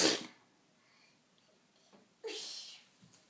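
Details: A young child fake-sneezing: two short sharp imitated sneeze bursts, the second hissing, in a quiet room.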